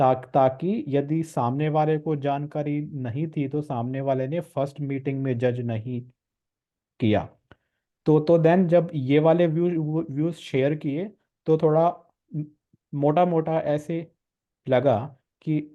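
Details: Stammering (stuttering) in a male participant of a stammering support group course, with word and syllable repetitions.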